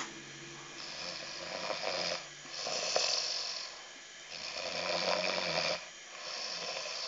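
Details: Snoring from someone sleeping beside the bed on a winter night.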